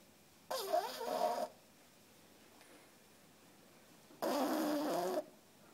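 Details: Two rough, rattling breaths a few seconds apart from a sleeping 3-month-old female French Bulldog puppy, tired after a day of play; snoring.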